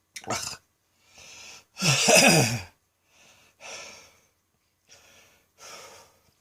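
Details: Midday coughing fit recorded on a phone after a felt throat tickle, leaving the person light-headed: repeated harsh, strained cough bursts, one loud and voiced, alternating with noisy, breathy in-breaths.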